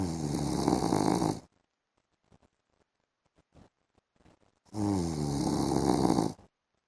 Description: PART 1 MY HUSBAND'S SNORING SOUND IN THE AFTERNOON #snoring